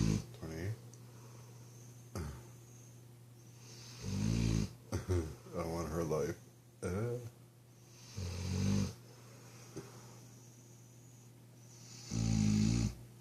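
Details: Low rumbling snores every few seconds over a steady background hum from Rosie, a sleeping mastiff dog, recorded at 2 am; snoring.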